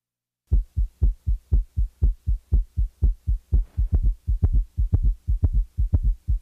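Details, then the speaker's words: Simulated heart sounds at a rapid heart rate: S3 and S4 occur together as a very loud diastolic sound midway between S2 and the next S1: summation gallop. "at a rapid rate s3 and s4 may occur simultaneously and are heard as a very loud diastolic sound known as a summation gallop the gallop sound falls midway between the second sound and the first sound of the next beat"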